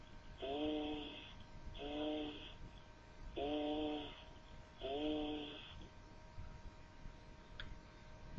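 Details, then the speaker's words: Patient repeating a word, heard through the chest wall as four nasal, high, bleating words; egophony. "el derrame pleural tiene un límite y en ese límite encontraremos la egofonía conforme el derrame vaya en aumento la egofonía podrá ir cambiando de lugar escuchemos egofonía en un paciente que pronuncia la palabra"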